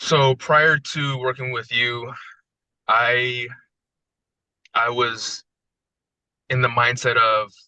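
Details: Adult man with decades-long stuttering that included severe speech blocks, after about 2.5 weeks of daily smooth speech coaching, presented as smoother; stuttering, mild residual disfluency.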